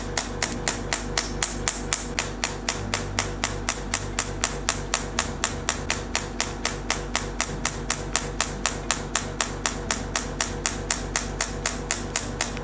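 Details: Professional 3rd-generation T8+ radial shockwave (ESWT) handpiece firing sharp, regular tapping pulses, about four per second, over soft music; gel applied, head against skin, worked over trapezius muscles in slow motions or small circles.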